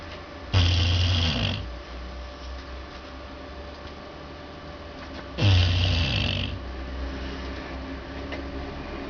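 Two deep, rattling snores about 5 seconds apart, with quieter breathing between them: snoring in a sleeping dog. A faint steady hum is in the background.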